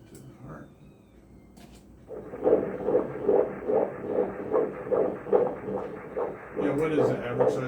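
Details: Fetal heartbeat on ultrasound Doppler at 24 weeks of pregnancy, head-down baby: rapid, regular whooshing pulses at about 140 a minute; normal fetal heartbeat.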